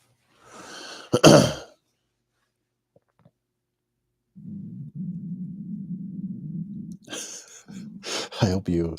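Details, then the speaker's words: Adult's own stomach growling (borborygmi) heard during a live stream: a low, drawn-out gurgling rumble lasting about three seconds, brief rustle before and muffled talk after. "hope you were able to hear that. My stomach growling. Still going."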